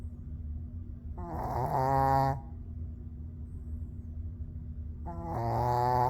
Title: Rae snoring so loud pup 🐶 🎶 😆